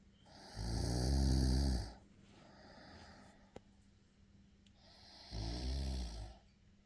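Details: Sleeping boy: two loud, low, rattling snores with a quieter breath between them; snoring during sleep.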